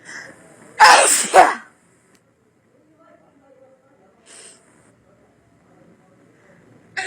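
A single loud two-part sneeze with a sharp intake and explosive release, then quiet room sounds: an ordinary sneeze.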